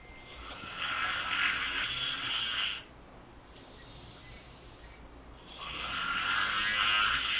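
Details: Person snoring in the back seat of a car: two long, rough, hissing breath sounds separated by a quiet pause in a small enclosed space; snoring.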